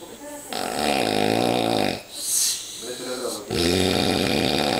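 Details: Loud, rough, buzzing snores on the breath in with brief pauses between them; heavy snoring.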